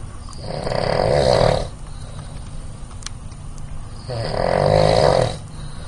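Two loud, rough, rattling snores on inhalation, about four seconds apart, with quiet breathing between them; ordinary snoring.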